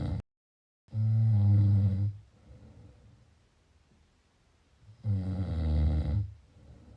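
Two loud, rattling, low snores on breathing in, with quiet breathing out between them.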